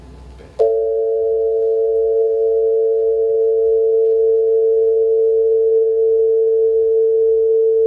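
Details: Recorded distortion product otoacoustic emissions from an artist's own ears, the sole material of the sound work "labyrinthitis": tones tuned to a precise frequency ratio, played one at a time down a standard scale; distortion product otoacoustic emissions.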